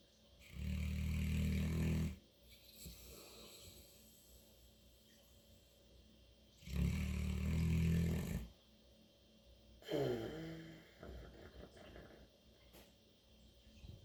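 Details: Loud, deep, rumbling snores with quieter breaths between, from a sleeping St. Bernard dog, snoring in a way the owner has not heard before: snoring.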